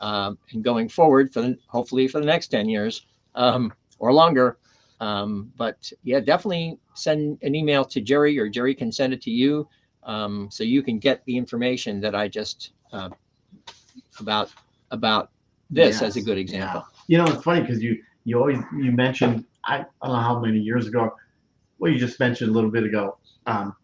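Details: Adult man with aphasia after three strokes, the first on September 26, 2011. He initially could not read, write or speak well, and his grammar and syntax were damaged. He had seven months of speech therapy plus an aphasia group, and his speech greatly improved over ten years. Aphasia.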